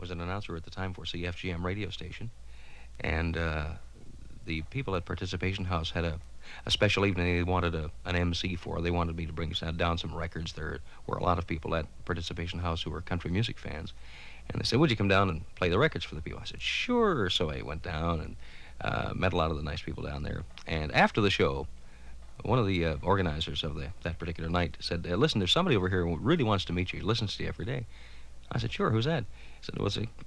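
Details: Adult man narrating; normal speech.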